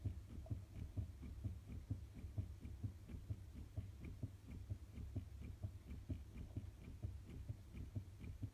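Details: Fetal heartbeat in the womb recorded with a Doppler heart monitor: rapid, regular whooshing pulses.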